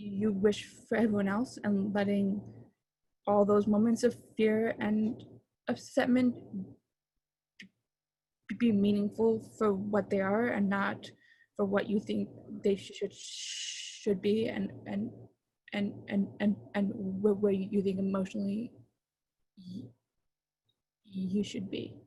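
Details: Adult man, a father, who stutters and chooses to stutter openly; stuttering.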